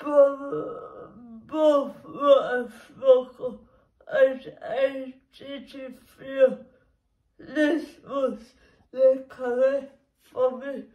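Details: Woman with cerebral palsy, which she says makes her muscles and movements difficult; dysarthric speech in cerebral palsy.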